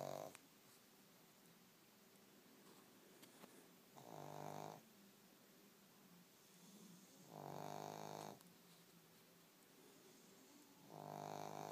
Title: snoring